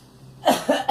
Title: Girl coughing and me